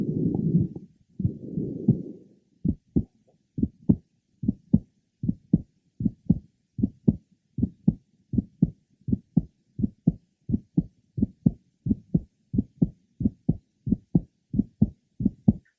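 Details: Asymptomatic man with a bicuspid aortic valve and mild to moderate aortic regurgitation; regular heartbeat near 75 a minute, aortic ejection sound unchanged by respiration, grade 3 diastolic murmur at the third left sternal border.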